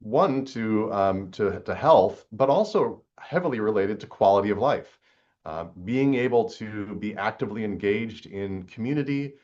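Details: Woman aged 81, a former film star recorded about 50 years after her earlier recordings: lower fundamental frequency and raspy, rough, breathy quality, plus a vocal tremor, likely essential tremor acquired with age; recording setting and emotional topic may also contribute. Presbyphonia with vocal tremor.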